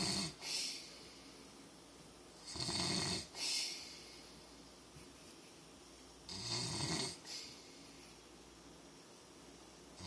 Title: Dad snoring!!